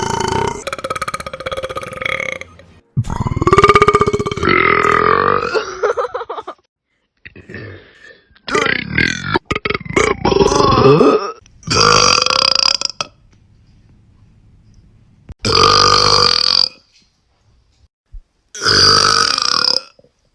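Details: Young woman: a series of loud, long, croaking belches, about six in all, with quiet pauses between; repeated burping.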